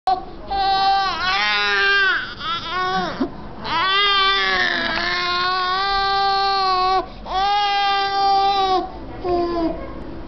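Sustained, rhythmic crying in long wailing bursts with brief breaths between; an ordinary infant cry.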